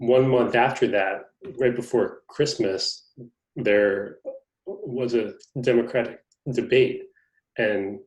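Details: Stuttering in an adult man, a magazine reporter who describes himself as a person who stutters, speaking in conversation.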